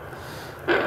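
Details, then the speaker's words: Workshop demo of TMJ auscultation with a Doppler probe and gel placed just in front of the ear as the female patient opens and closes: low hiss, then a brief rough grating burst, moderate crepitus, called pretty normal. "so that's a moderate amount of crepitus and that's probably what you'll find on almost everyone you'll all have that amount of crepitus i would guess or more that's pretty normal"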